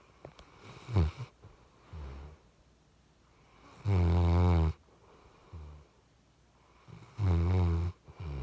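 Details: Sleeping chocolate Labrador puppy, tired after a long walk: loud buzzing snores alternating with softer snorting breaths, about one snore every three seconds; normal puppy snoring.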